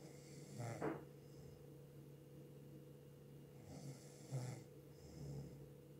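Soft, low snorting breaths with rough rattling, recurring every few seconds over a steady background hum.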